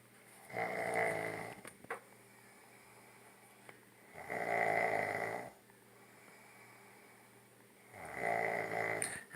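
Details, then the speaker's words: Woman snoring non-stop for an hour, growing louder, likened to a chainsaw: loud, rough, buzzing snores on each in-breath, about three in nine seconds, with quiet pauses between. "this is non-stop for the past hour if you guys know her come get her let her stay at your house I will pay you do that or come shoot me now please please put me out of my misery it's just getting louder and louder okay like a chainsaw or something"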